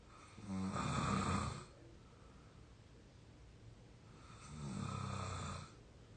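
Two loud rattling snores on breathing in, with quiet pauses between, ordinary heavy snoring.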